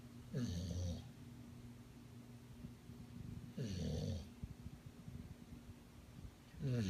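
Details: Bulldog asleep on a person, snoring loudly with rattling snores on inhaled breaths at about 20 a minute and quiet gaps between. Snoring.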